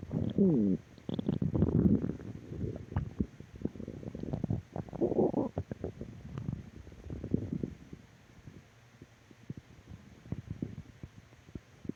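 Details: Stomach growling: low gurgling and rumbling bursts, loudest at first, then fading into irregular soft pops and bubbling; borborygmi.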